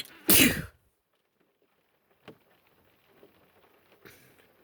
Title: female sneezes